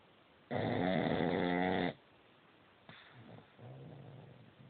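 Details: Very loud snoring from a sleeping dog: one long, loud, rattling snore, then quieter snuffling breath sounds.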